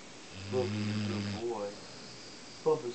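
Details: English Mastiff napping on a couch, snoring: a long, low, rumbling snore on inhalation, then a shorter snort, and another snore starting; quiet room.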